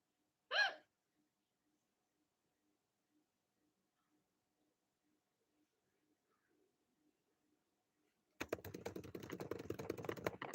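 One short, sharp gulping hiccup, then quiet, then a stretch of clicking, rustling noise; a single hiccup.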